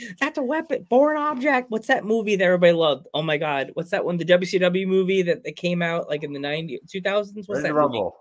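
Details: Adult speaker; typical speech.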